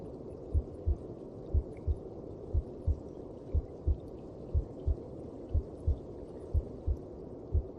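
Regular paired low thumps at about 60 beats a minute over a soft whooshing background, a steady heartbeat.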